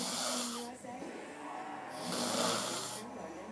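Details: Two rough, noisy, hissing inspiratory snores about a second apart; snoring during sleep after a long night in Vegas.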